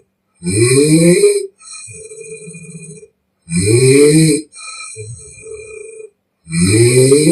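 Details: Young Chinese woman in deep sleep, real snoring recorded with permission: very loud, rough snores on each inhalation, mouth-blowing softer rattling exhale, about 20 breaths a minute; heavy open-mouth snoring.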